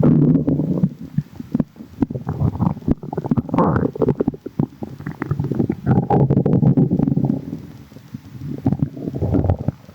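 Loud, continuous low gurgling and rumbling with sloshing, watery bubbling; active stomach growling with fluid moving through the gut.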